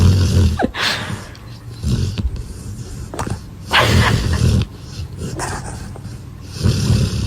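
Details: A sleeping dog snoring: low, rumbling snores repeating every two to three seconds with softer breathy sounds in between.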